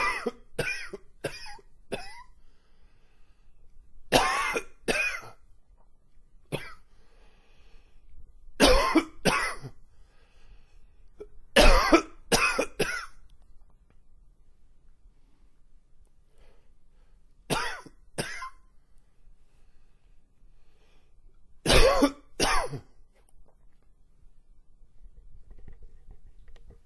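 A long fit of about sixteen harsh coughs in bursts of two to four, with a wheezy quality.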